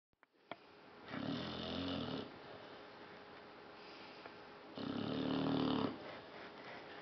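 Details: Tired dog asleep, snoring and still snoring after waking: two long, loud, rattling snores on inhalation with quieter breathing between; dog snoring.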